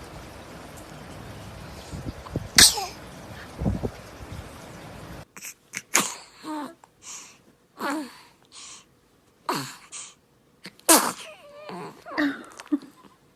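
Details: Several short, sharp, high-pitched sneezes from babies, with adults softly saying "bless you" between them: ordinary infant sneezing.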